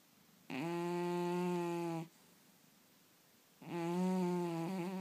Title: Funny cat snoring while dreaming